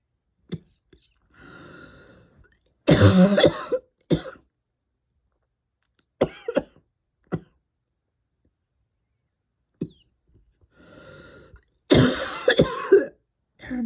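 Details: Cough that will not quit, with throat and lungs constantly tickly: repeated harsh coughing fits with throat clearing and breaths between bouts; persistent cough.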